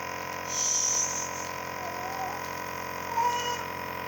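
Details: Infant receiving nebulizer treatment for cough: steady mechanical hum and hiss of the running nebulizer, with faint high squeaks in the background.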